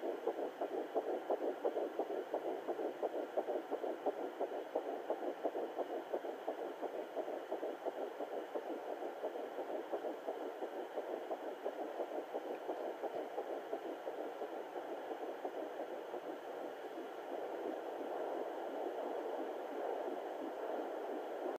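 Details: Rapid, steady whooshing fetal heartbeat picked up with a Sonoline B fetal Doppler at 9 weeks 1 day of pregnancy; fetal heartbeat.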